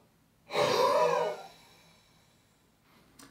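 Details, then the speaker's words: Huff, a forced expiration airway-clearance technique: after a half breath in, a single forceful open-mouth exhalation lasting about a second, used to shift secretions while avoiding coughing. "next take a half breath in and then force the air out of your lungs through your mouth and exhale for as long as possible try this one to three times and try to avoid coughing during this stage"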